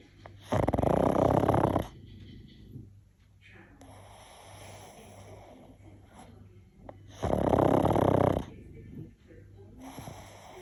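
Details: Paddington the pug asleep: two loud, rough snoring breaths with quiet breathing between, noisy flat-faced dog sleep breathing; snoring.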